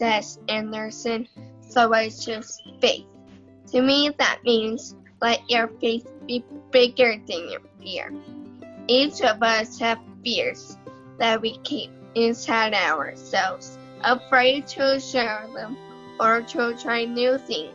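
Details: 16-year-old girl with cerebral palsy, family described as having a rare mitochondrial neurodegenerative disease affecting muscles and nerves; told she would never talk, she learned to and reads a speech; dysarthria in cerebral palsy.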